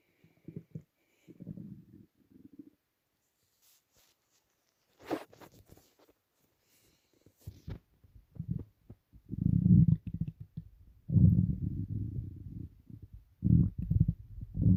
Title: Stomach rumbling (headphones advisable)